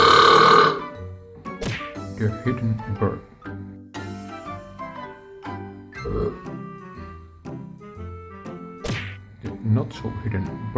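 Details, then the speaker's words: Deliberately performed burp styles, the "ghost" and the "machine gun": a string of varied burps and belches over background music. "The ghost. The machine gun."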